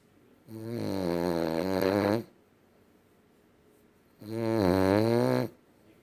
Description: Kyzer is 1/2 miniature boxer 1/2 boston terrier snoring up a storm